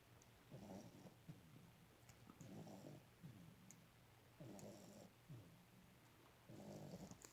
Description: My dog snores apparently.